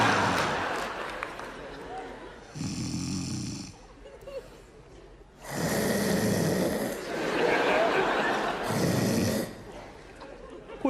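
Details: Snoring, a bedmate complaining they won't sleep again: three loud, rough snoring bursts separated by quieter breathing.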